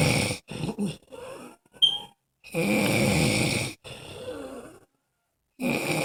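Loud, rough snoring breaths with short pauses between them, some with a whistling edge; a snore.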